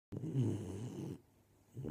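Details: Golden Retriever puppy, 13 weeks old, sleeping: one low, rumbling snore lasting about a second, then the start of the next breath; ordinary snoring.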